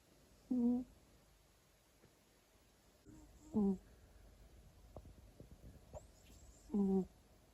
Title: Tuxedo cat snores loudly on his favorite chair